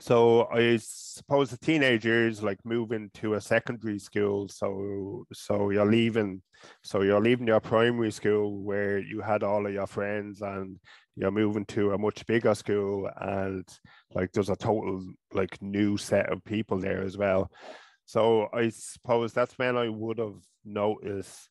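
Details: Adult man from Ireland who has stuttered since about age five or six, with blocks, avoidance, word substitution and filler words; he still stutters openly.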